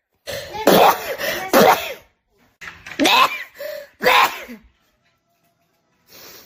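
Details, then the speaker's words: Young Asian woman with severe rhinitis, eyes watering: several sharp explosive sneezes in a row, each with a quick intake before the burst, then a short sniff. "鼻炎重度患者的悲伤。我太难了。都流眼泪了。"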